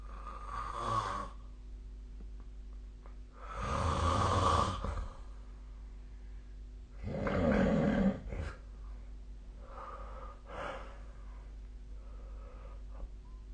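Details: Snoring during sleep recorded with a snore-tracking app (SnoreLab) on 2024-12-23: rough, rumbling snores roughly every three seconds over a steady room hum.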